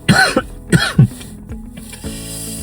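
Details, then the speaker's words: Adult sick with a winter fever, cold and dry cough gives three to four short, harsh, dry coughs, with chest pain on coughing and soft music in the background: dry cough. "I cough the whole chest pains. I just don't want to get up from here."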